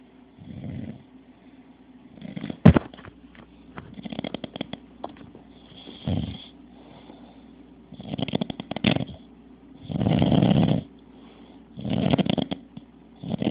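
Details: Adult man (a dad) snoring: repeated low rattling snores, about seven over thirteen seconds, each on a breath in, with quiet gaps between; ordinary snoring during sleep.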